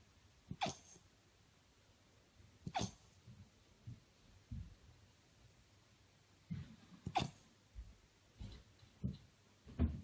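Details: Hiccups in an 8-week-old puppy, either a Heeler or a Golden Retriever: brief sharp gulping bursts recur irregularly, about four in ten seconds, with soft low thumps between them.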